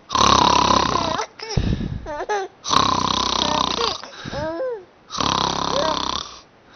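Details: Father snoring while taking a nap, described as fake snoring: loud, rough, rattling sleep breaths with gurgling, snorting sounds in between.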